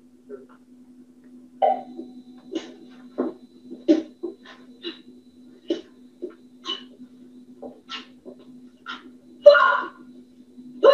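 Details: Patient with Tourette syndrome whose tics go on most of the day; complex phonic tics, often manifested as coprolalia.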